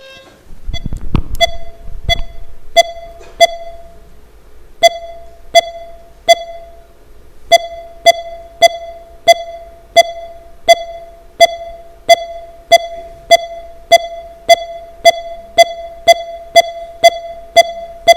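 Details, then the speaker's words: Bedside monitor beeps from a man, speeding up on inspiration and slowing on expiration, cycling roughly 85–140 a minute: very profound respiratory sinus arrhythmia, a naturally occurring arrhythmia and sign of good health. "he has very profound respiratory sinus arrhythmia naturally-occurring arrhythmia it's a sign of good health it's classically seen in the young and the fit and dad doesn't have it"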